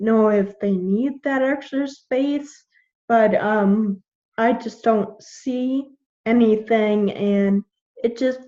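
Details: 21-year-old woman with Friedreich's ataxia, a genetic neuromuscular degenerative disease; symptoms from about age 9, diagnosed at 13, with progressively slurred speech; ataxic dysarthria.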